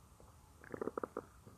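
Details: Woman's own stomach growling: a brief run of bubbling, gurgling pops from the belly; ordinary stomach growling (borborygmi).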